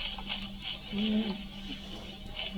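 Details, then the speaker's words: Stridor: a harsh, high-pitched, musical, predominantly inspiratory sound from a narrowed or partially obstructed extrathoracic upper airway. "t is three door strider is a high pitched predominantly inspiratory sound is the most commonly associated with acute disorders such as foreign body aspiration sorry foreign body aspiration but can be due to more chronic disorders such as tracheomalacia"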